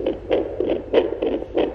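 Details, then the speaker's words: A handheld Doppler picks up rapid, regular pulsing whooshes of a child's heartbeat, with a reading of about 125 given afterward. "that's so cool i'm making it it's making the heartbeat sound is that the heartbeat yeah okay it's right there"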